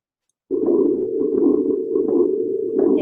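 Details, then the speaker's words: Patient with advanced aortic stenosis, recorded at the aortic area: a steady beat with a whooshing, low-pitched murmur, the harsh murmur of aortic stenosis. "Uh it's following sound to record from a patient with advanced aortic stenosis. The first sound is recorded at the aortic area."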